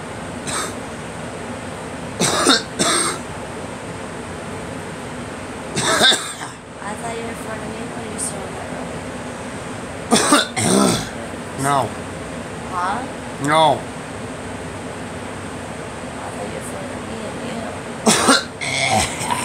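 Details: Adult coughing, blamed on heavy pollen blowing indoors: several short dry coughs and throat clearing in loose bursts over a steady room hum.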